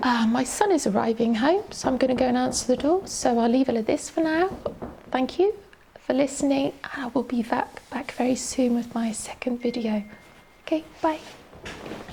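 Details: Adult woman, a teacher, with adductor-type spasmodic dysphonia, a neurological voice box disorder diagnosed in 2020 by an ENT specialist, with spasms of the laryngeal muscles during speech; she reports a shaky voice; adductor spasmodic dysphonia.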